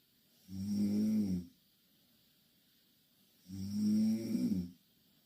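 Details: Two Korean girls asleep in the same bed snoring loudly: two long, rattling snores on the in-breath about three seconds apart, with quiet between; snoring.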